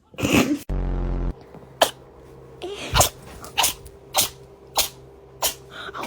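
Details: Cat sneezing: several short, sharp sneezes one after another, with a brief hum of background noise.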